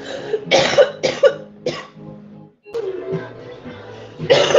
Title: kik - tiktok live women coughing hard compilation